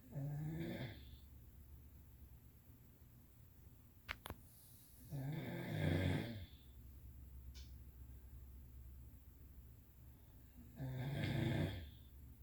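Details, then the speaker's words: Soft, low rumbling snores about every five seconds, near 12 breaths a minute, with quiet room noise between; the sleeper is told to roll over. Ordinary snoring. "hey, you need to roll over. You're snoring."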